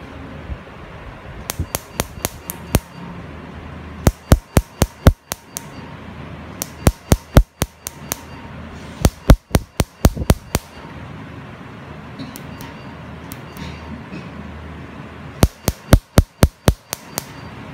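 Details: Rapid bursts of sharp snapping clicks, about four a second with pauses between runs: laser pulses during a laser tattoo removal treatment, patient told it causes slight stinging.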